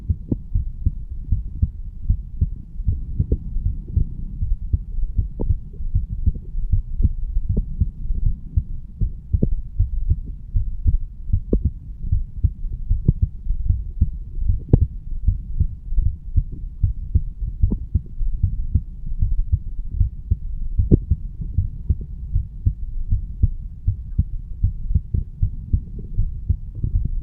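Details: 35-year-old man standing, heartbeat recorded over the bicuspid (mitral) valve area: steady low thumps at about 78 beats a minute with a continuous low hum; normal heart sounds.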